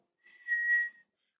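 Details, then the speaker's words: A single high-pitched whistling tone about a second long imitating the asthma wheeze heard when breathing, during a talk on respiratory diseases. "respiración sibilante como les decía al momento de respirar va a escuchar"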